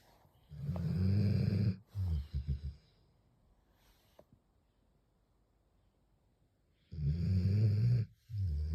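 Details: A sleeping pit bull snores loudly with low, rattling snores, one long snore followed by a broken one, a quiet pause, then another.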